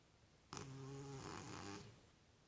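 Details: Soft buzzing snore lasting just over a second from a cat sleeping in a cardboard box; ordinary snoring.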